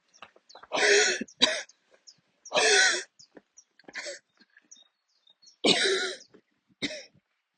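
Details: Coughing attack from the lungs while walking outdoors, near the end of a walk; the person kept walking although attacks usually force them to stop and sit or kneel. Repeated forceful, harsh coughs in clusters with strained catches of breath between.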